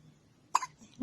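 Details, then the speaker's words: Baby with strong, recurring hiccups; the parent wonders whether the baby drank too much milk or didn't burp enough; one abrupt, sharp gulping catch of breath in a quiet room; hiccups. "you got the hiccups again once you do what you're doing or two hiccups again oh"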